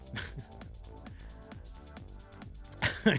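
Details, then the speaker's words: A single sharp sneeze from an adult game commentator, announced just before, bursting out over steady electronic game music. "people have said they want to hear the sneeze Ive pulled the audience and they want to hear the sneeze"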